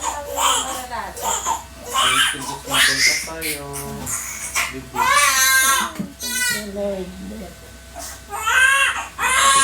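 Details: Newborn's first cry just after a normal vaginal birth of a first baby: a strong, high-pitched cry in bursts with adults talking nearby; a normal vigorous cry.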